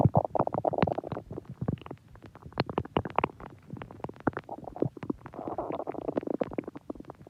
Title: Stomach growl. Long